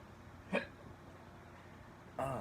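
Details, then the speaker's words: A single short, abrupt voiced gulp in a quiet room from a person who had had the hiccups, then a brief noise: a single hiccup. "that's what's going on I had the hiccups just now where'd they go"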